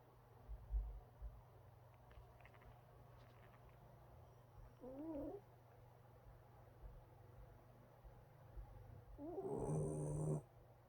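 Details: Shiba Inu puppy asleep, snoring with a soft, low rumbling broken by two brief high squeaky whimpers; snoring.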